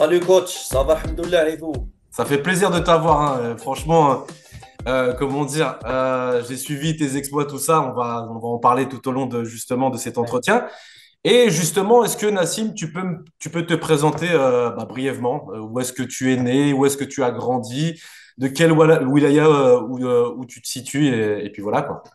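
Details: Adult male interviewer; Normal voice.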